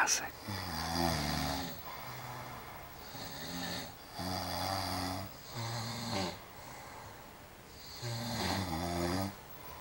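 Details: Loud, rhythmic rumbling snores on each in-breath, about four in ten seconds, with quieter gaps; typical heavy snoring.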